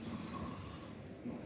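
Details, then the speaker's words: Imitated inspiratory stridor from upper airway obstruction, likened to snoring: a brief, harsh snore-like noise on breathing in. "En la disnea de vía aérea alta es más un estridor, es más un ruido inspiratorio. Como cuando roncan y se quedan dormidos en casa."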